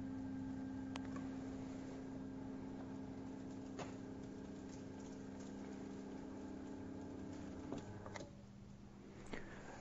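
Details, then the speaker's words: Steady low motor hum with a whine for several seconds, then stopping with a few clicks: the hydraulic motor of an AJ15/16 dental chair raising the seat to its limit during a hydraulic system reset. "then move the chair lower to the lowest position then put the backrest up to its limit then press zero button after that put the chair up to its limit"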